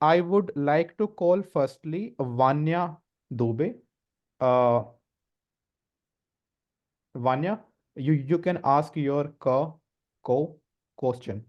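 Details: 24-year-old man with a self-described medium-level stammer, speaking Hindi with part-word repetitions; stuttering.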